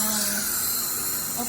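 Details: Dental drill during a child's dental appointment: a steady high-pitched whine and hiss with water-spray noise.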